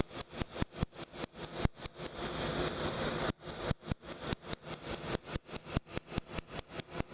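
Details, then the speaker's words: Second laser tattoo removal session on the central chest of a woman, not very numb, laser settings raised each session and more painful; rapid sharp snapping clicks about two to three per second with a brief steady hiss. "In addition to the fact that they generally turn up the frequency of the laser with every session. So this one is significantly more painful in my opinion than the first one."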